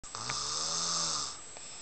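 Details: Man napping motionless on a couch, snoring: a single long, buzzing, vibrating breath lasting just over a second, with a hissy edge.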